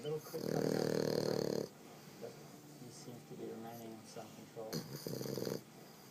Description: Dog snoring